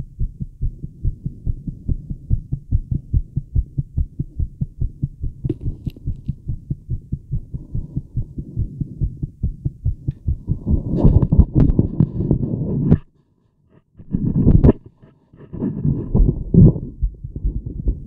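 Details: Rapid, steady heartbeat near 140 beats a minute, with rubbing noise later, from a woman relaxing and smoking, heard through a Littmann stethoscope with a mobile mic; the beat grows stronger and faster; tachycardia.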